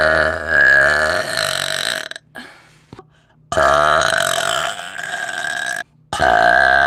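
Several long, loud, drawn-out burps in a row, separated by short pauses: forceful belching.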